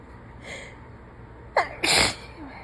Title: More messy sick sneezes